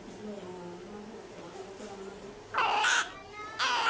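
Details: Dark-skinned newborn baby girl immediately after birth: two loud, short, high-pitched cries amid background voices.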